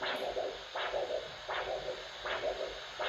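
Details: Dorsalis pedis arterial pulse found with a handheld Doppler between the first and second metatarsals at the top of the foot: rhythmic whooshing pulse about 80 a minute over steady hiss, each beat a sharp rising swoosh with a softer trailing sound. Normal foot pulse.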